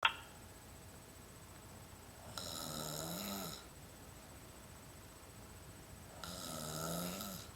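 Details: Holly snoring while asleep: two long rasping snores with a whistling tone, separated by quiet pauses; ordinary snoring.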